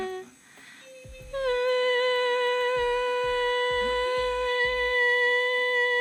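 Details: Normal voice, laryngoscopy showing vocal folds meeting in the midline; good vocal fold closure.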